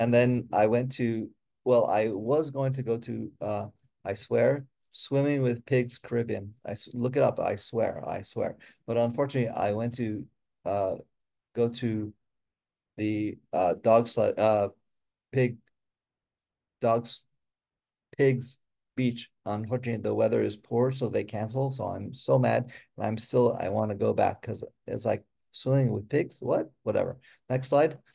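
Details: Real adult woman with aphasia who is a member of an aphasia institute and helps train conversation partners; aphasia.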